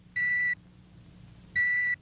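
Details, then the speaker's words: Audiometer sample pure tone given through earphones to an adult male musician with otosclerosis and about one-third hearing loss during an audiometric hearing test; two steady high-pitched beeps, each about a third of a second. "first a set of earphones is adjusted to the patient's ears and he is asked to listen carefully a sample tone is given him like this"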